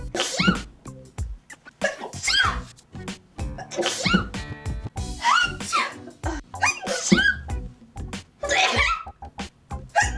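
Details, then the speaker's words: Woman who says she has a funny sneeze and thinks she may have allergies: a rapid run of many repeated sneezes in quick succession, with music and laughter in the background. "oh some the does make me sneeze but something does make me feel like I'm going to sneeze"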